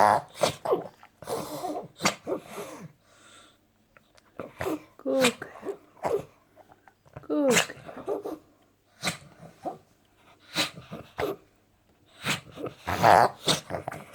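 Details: Small female dog reverse sneezing before anabolic steroid treatment: repeated sharp, snorting, honking inhalations in rapid bursts.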